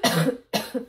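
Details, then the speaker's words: Two harsh cough bursts in quick succession from an adult with a flu-like illness and a week-long worsening cough triggered by throat itch; COVID test negative; cough. "school, and I have had this cough since I went to elevation night last week, Wednesday, and when I have a cough, it sticks with me forever, and it progressively gets worse"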